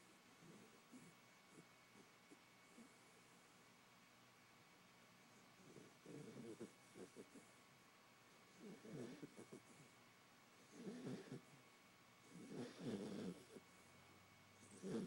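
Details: Female Beagle snoring loudly while asleep: soft, rattling snores with each breath, about five in fifteen seconds, over a steady room hum; snoring.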